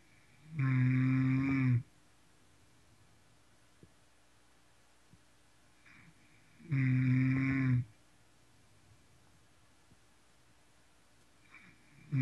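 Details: Person snoring hard: two long, loud, deep buzzing snores about six seconds apart, roughly ten a minute, with quiet between; heavy snoring.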